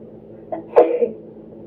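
A brief intake followed by a single sharp sneeze burst in a quiet room.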